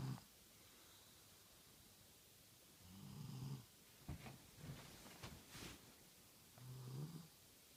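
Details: Female snoring: soft, low snores on the in-breaths about every three to four seconds, with a few light snuffles between; snoring.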